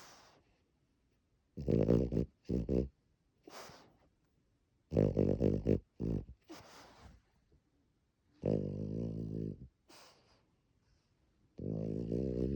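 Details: Snoring in a French bulldog, female, held in arms with eyes open: loud, rough, rattling breaths, snoring both breathing in and out, with short snorts in between.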